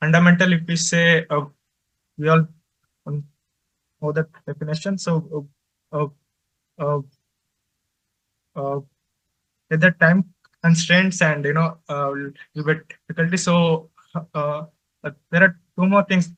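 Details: Adult man who says he stutters and finds speaking with different people difficult; stuttering.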